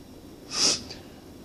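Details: A single brief, hissing burst of air through the nose, a small stifled sneeze induced by inhaling chhinkni powder in each nostril; sneeze.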